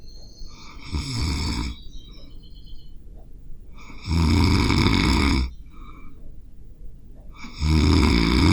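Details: Self-recorded adult snoring during sleep with a Zoom H5 recorder (stereo WAV): deep, rumbling snores repeating about every three seconds, quieter breathing between, some room noise.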